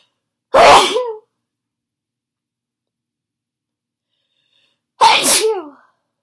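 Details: Adult with a cold, sneezes provoked with a Chhinkni sneezing powder: two forceful, sharp explosive sneezes a few seconds apart in a quiet room; sneezing.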